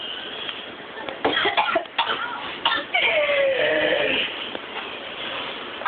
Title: coughing out cinnamon